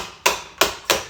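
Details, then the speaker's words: Three sharp knocks in about a second as a YouTuber with Tourette syndrome slams the computer mouse with the hand from an urge: motor tic. "that is uh for some reason i have a tick or i just feel the need to slam the mouse"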